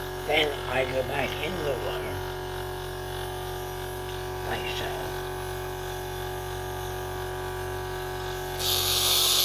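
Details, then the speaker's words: Sunset SU100 portable suction machine used by a head and neck cancer patient with a tracheostomy: steady motor hum and buzz, brief handling sounds, then louder suction noise at the end. "Well, when I turn this on, you can get an idea if you think it's extra noisy or if it's just average or what you think. I I don't think it's too bad, personally, so here it goes."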